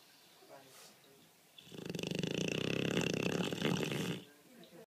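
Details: 1-year-old Dogue de Bordeaux asleep: a loud, rattling snore on one long breath in, with fast fluttering vibration; snoring.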